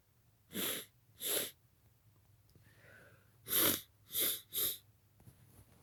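Five sharp, hissing sneezes from an adult: two, then a short pause with a faint inhale, then three more in quick succession. Ordinary sneezing.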